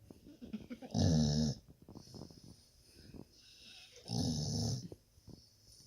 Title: Snoring